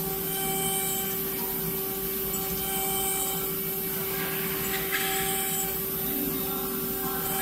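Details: A 5-axis dental CAD/CAM milling machine mills an implant part, with weak water flow noted. A steady high motor whine with grinding and rubbing noise: the dental milling machine operating.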